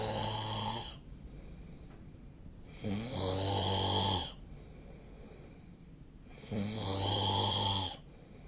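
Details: Loud, rattling snores on the in-breath, about three in eight seconds, separated by quieter out-breaths, recorded during sleep with a snoring-tracking app: ordinary sleep snoring.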